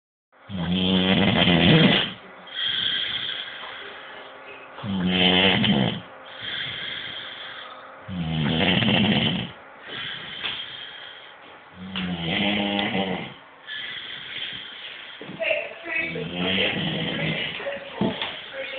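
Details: Man who has fallen asleep, with loud rattling snores on each breath in, about 16 a minute, separated by quieter breaths out; habitual snoring.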